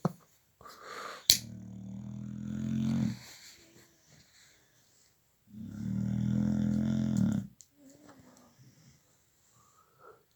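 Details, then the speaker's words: Female dog snoring: two long, low, rumbling snores a few seconds apart with quiet breathing between; ordinary snoring. "bless you can hear she snores like a [ __ ] pig foreign"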